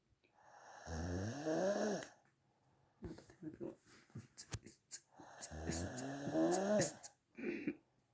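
Two loud, deep, vibrating snores separated by short fluttering snorts and clicks, a typical loud snoring pattern.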